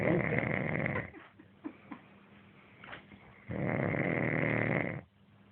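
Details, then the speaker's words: A man who claims he does not snore, recorded while asleep: loud, rattling snores on breathing in, separated by quiet pauses of about two seconds. "Él dice que no ronca y está roncando."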